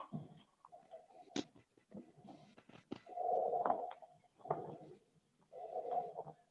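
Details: Normal tracheobronchial breath sounds heard on chest auscultation during a virtual pulmonology clinical examination teaching session.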